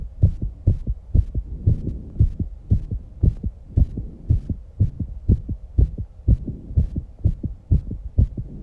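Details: Strong, regular low thumps at about 120 beats a minute in a 19-year-old girl after exercise, with heavy breathing and some breath holding; fast heartbeat after exercise.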